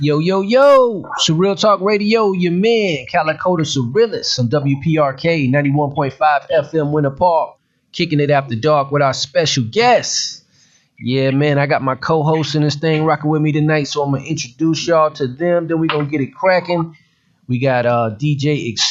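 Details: Adult male radio host; normal speech.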